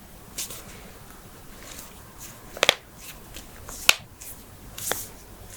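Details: Joint cracking during manual adjustment, from a head-to-toe compilation of knuckles, backs, necks, toes, ankles, hips, wrists and jaws: a few sharp brief pops and clicks over low rustling; harmless joint cavitation.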